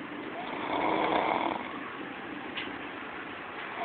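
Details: A young man sound asleep, snoring: a single rough, rumbling breath-noise rising and fading over about a second amid steady room noise.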